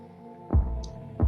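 Two deep, low thumps about 0.7 seconds apart over a steady hum: a heartbeat.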